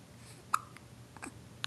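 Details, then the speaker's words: 6-week-old baby girl at bedtime: a sharp hiccup click, then a couple of softer catches; infant hiccups. "we have bedtime hiccups"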